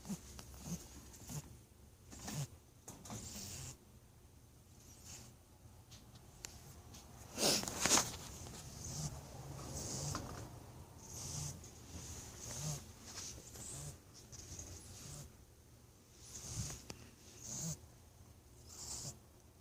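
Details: Pet rabbit (female) that has started wheezing, with no runny nose or discharge, still active, friendly and eating normally: irregular soft hissy, whistly breathing bursts.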